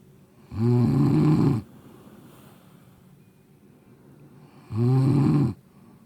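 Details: Person snoring loudly enough to keep someone awake, likened to a train: two loud, buzzing snores about four seconds apart with quiet breathing between.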